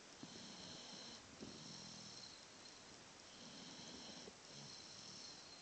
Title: snoring may 2011